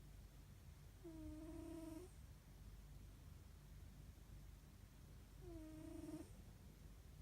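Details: A sleeping cat snoring: two drawn-out, whistling nasal snores about four seconds apart in a quiet room.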